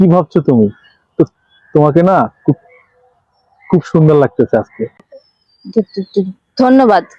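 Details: Acted comedy skit; male character who stutters says he has stuttered since birth, has seen many doctors without benefit, and was told it will never improve: stuttering (acted).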